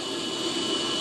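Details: Steady loud blowing airflow with a whining tone from a mechanical cough assist device during a breath phase, cycled in counted four-beat inhale then four-beat exhale phases; the therapy button is pressed by a child under a parent's guidance.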